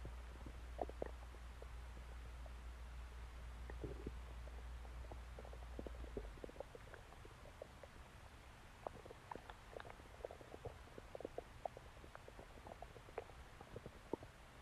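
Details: Irregular soft gurgles and squelches over a low steady hum; ordinary stomach growling (borborygmi).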